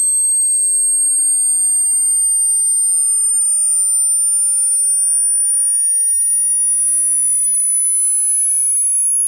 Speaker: the test will start at 80 Hertz and will slowly increase all the way up to 18 kilohertz but that all being said good luck with the test